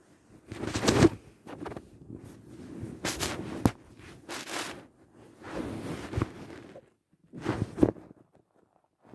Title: My Hunger morning stomach growling